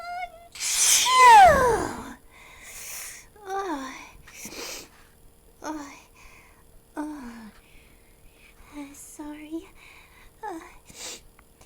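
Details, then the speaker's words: Simulated sneezing in a character-voiced mouse skit: an acted, squeaky "achoo" bursts out early, followed by high-pitched squeaky voicing, small gasps, and "Sorry. My nose." "Oh no. Uh, achoo! Uh, achoo! Oh, oh, oh, oh, and, uh, uh, uh, achoo! Sorry. My nose."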